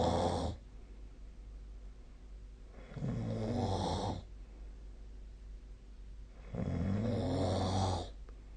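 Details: Loud, rumbling snores on each inhaled breath, about 16 a minute, with quiet pauses between in a still room; nightly sleep snoring recording, 2025/02/26.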